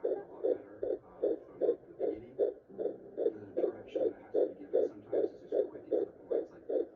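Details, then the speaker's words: Fetal heartbeat at 15 weeks of pregnancy, heard with a Neva home Doppler and aloe vera gel: rapid, regular whooshing pulses at about 154 beats per minute. "This video is for Nana Bear so she can hear the baby's heartbeat."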